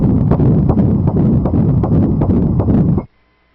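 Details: Fetal heartbeat on early-pregnancy ultrasound at 7 weeks in a 45-year-old mother's naturally conceived second pregnancy: rapid, regular whooshing pulses at about 159 beats per minute.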